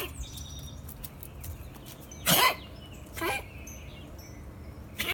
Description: Rat Terrier with bad cough